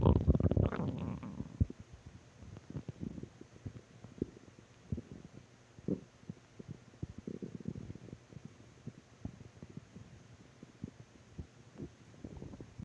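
Frequent irregular gurgles and clicks with brief rumbling runs; ordinary stomach growling.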